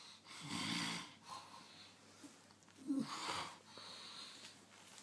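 Two long, rough, rattling breaths about two seconds apart, with faint room noise; snoring during sleep.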